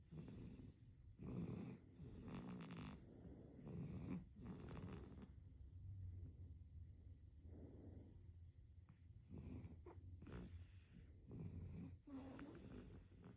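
Soft, irregular rattly breathing sounds during sleep with low room hum; infant snoring.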